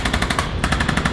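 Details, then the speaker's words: ArthroStim handheld chiropractic adjusting instrument run joint by joint from the base of the occiput down to L5–S1 and the sacrum, on a patient never adjusted before, to relax muscles and joint tension before adjustment: rapid, even mechanical tapping at about twelve pulses a second. "this is a device that helps release some of the tension within the joints before the adjustment and so we're just going to go from uh base of the occiput all the way down to l5 s1 into the sacrum it's going to drop joint by joint"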